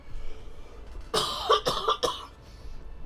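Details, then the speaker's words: Three quick, harsh coughs in an adult with a raspy voice, lingering cough, body aches and severe muscle and joint pain: a cough. "Still have a bit of a cough. Um, body still aches, but life is life and um yeah, I I just have really bad muscle pain."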